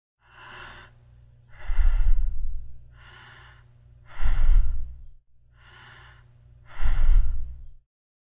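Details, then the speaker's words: Normal breathing (eupnea) demonstrated as a teaching baseline before other breathing patterns: steady, even breaths with quiet inhalations and louder exhalations at a normal, unhurried pace. "First, we'll have to be familiar with the normal breathing pattern, eupnea, and this will be our baseline. And it goes something like this."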